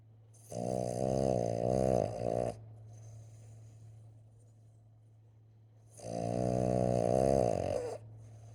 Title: snoring sleeping boston